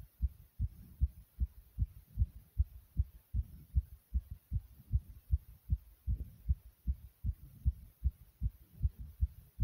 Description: My heart was beating very quickly here due to various exercises.